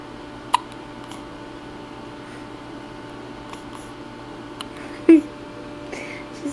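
Two short, abrupt hiccup sounds about four and a half seconds apart in a quiet room with a steady background hum; hiccups.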